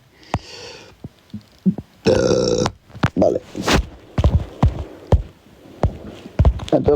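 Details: Male who had just eaten about four cheese puffs, with his stomach heard digesting: a loud, drawn-out burp (eructation) amid clicks and short mouth noises, with some speech around it.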